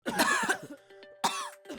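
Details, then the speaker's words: Acted adult cough demonstrating cough types: two harsh, voiced cough bursts over soft background music; a plain cough. "खांसी हो रही है। लेकिन क्या आप जानते हैं कि यह खांसी किस टाइप की है? हर खांसी कुछ ना कुछ इंडिकेट करती है।"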